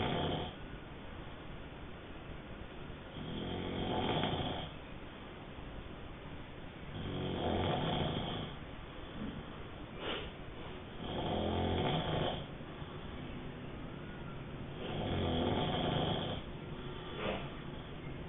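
Steady rasping snores, about 15 breaths a minute, with room hiss; ordinary snoring.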